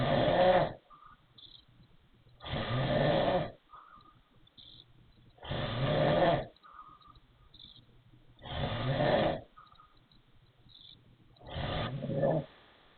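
Loud, rough snores about 20 a minute with a thin whistling edge on each breath in; wheezy snoring.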